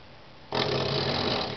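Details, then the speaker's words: Female Beagle, a special-needs rescue, in deep sleep and drooling, not waking: loud, rough, sustained snoring that she often does. "her name is pumpkin sometimes we call her pumps or Miss pumps beagle she snores really loudly and she's droing she will not wake up"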